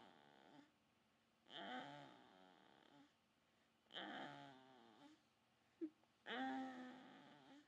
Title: Snoring